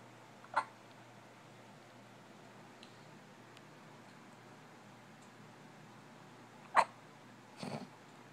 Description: Poor baby has the hiccups lol